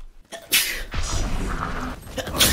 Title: ［Eng Sub］performed a tremendous sneeze due to pollen allergy ［Nijisanji/Clips/funny］